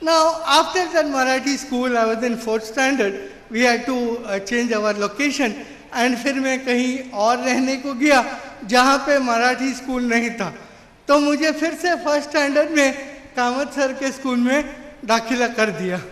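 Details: Adult man with severe cerebral palsy since birth, considered 100% disabled, who could not walk or talk as a child; finding: dysarthria due to cerebral palsy.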